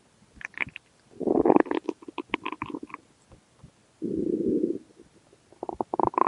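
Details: Stomach growling (borborygmi) in a hungry male: low rumbling, gurgling sounds from an empty stomach.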